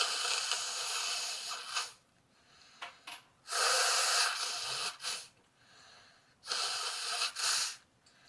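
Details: Snorting in a person sneezing from allergies who says they are sick: long, hissing bursts of forceful air through the nose, with noisy repeated snorts and sniffs from a congested nose.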